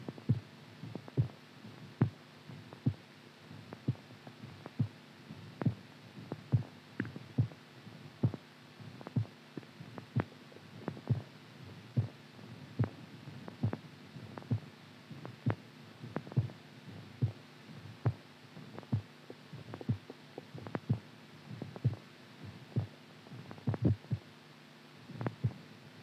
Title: IRREGULAR HEARTBEAT SOUND SLEEP